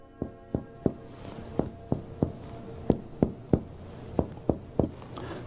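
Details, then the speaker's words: Demonstration of chest percussion with finger as pleximeter in the intercostal spaces: sharp taps in groups of three, each giving a short hollow resonant note, comparing left and right; chest percussion note. "And so you'll hear the doctor describing what to do, and then you'll hear the actual sounds that are made when you do this chest percussion."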